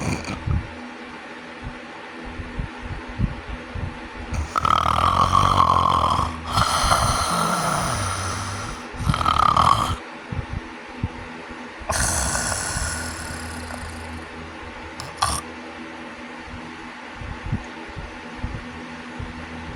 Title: sleep apnea snoring